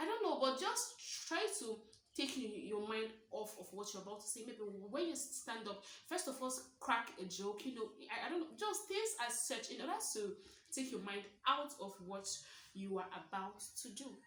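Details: Stuttering in a 23-year-old woman who describes herself as a stammerer, speaking naturally about her own stammering.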